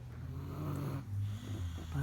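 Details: Deep, low rattling snore sustained through the breath, recorded 3/11/2017; ordinary snoring.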